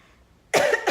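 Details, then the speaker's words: Cough from a person who is sick and smoking a blunt: a single abrupt cough burst with a brief trailing second burst after half a second of quiet. "Sorry if I'm coughing. I'm kind of sick. I don't know if y'all can hear it. And I'm smoking, so I'm coughing."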